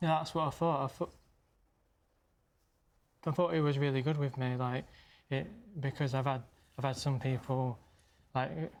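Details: Stammering in an adult man who stammers, speaking live on television; he reports struggling hardest on first words.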